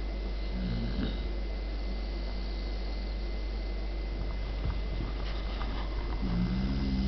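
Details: Snoring in a German Pointer puppy asleep in her bed: low, rumbling snores, one near the start and one at the end, with steady soft breathing noise between.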